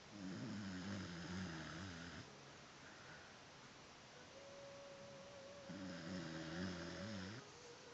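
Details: Dog asleep with music playing, snoring like a man: two loud, rough, rumbling snores with a quiet pause between them, faint steady background tone.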